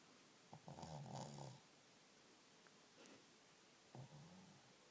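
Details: Shih tzu dog snoring loudly: short, rough, snorting snores on the breath with quiet pauses between, over steady low room noise.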